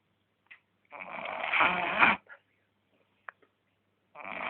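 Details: A sleeping male dog gives long, rough, fluttering noisy breaths, each over a second, separated by quiet pauses; snoring.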